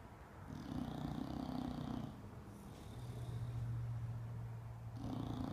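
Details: Bulldog asleep and tired after being groomed, snoring loudly with steady rattling, snorting snores on both inspiration and expiration, about three cycles, through a narrowed airway; snoring.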